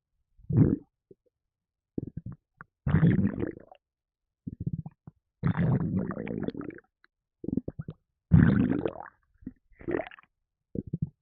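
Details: Irregular low gurgling and sloshing rumbles in bursts, about 23 a minute, after drinking a can of Red Bull energy drink, which made the person gassy; bowel sounds (borborygmi), with burping also in the recording.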